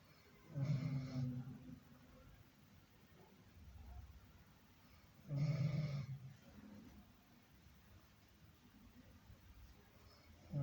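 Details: Two loud, rumbling snores about five seconds apart, with softer breathing between, in a quiet room; snoring.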